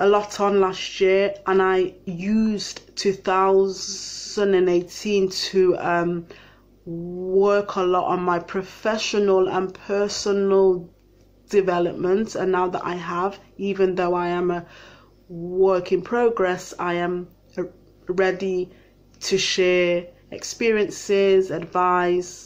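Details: Adult living with a stammer who attended a two-week speech and language therapy course in 2018; stammering.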